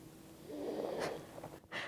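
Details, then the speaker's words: A single rough, snorting breath from a resting pet, rising and fading in a quiet room, fed dinner early and impatient afterwards: snoring mixed with a dramatic huffing sigh, half snoring, half being dramatic. "That's like half snoring and half like just being dramatic."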